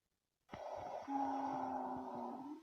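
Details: Sustained musical whistling tone over noisy breath sound, a wheezing sample played in a physiology case presentation, described as indicating bronchoconstriction or obstruction in the patient.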